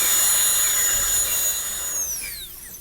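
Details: Steady high-pitched whine of a dental drill (handpiece) cutting a maxillary premolar class II preparation in a dentistry teaching course, then dropping in pitch as it spins down.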